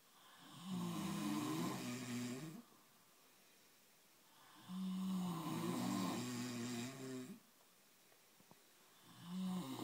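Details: Loud rattling snores on each breath in, about 14 a minute, with quiet pauses between; ordinary snoring from roommates sleeping.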